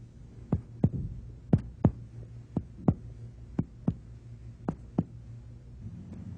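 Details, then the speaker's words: Percussion of the left chest of a supine patient, upper body raised about 30°, to estimate heart size. About eleven sharp taps move from lateral pulmonary resonance toward medial cardiac dullness across the third to sixth interspaces: normal cardiac dullness. "estimate heart size by percussion starting on the far left of the chest percuss toward the left border of cardiac dullness in the third fourth fifth and possibly sixth interspaces"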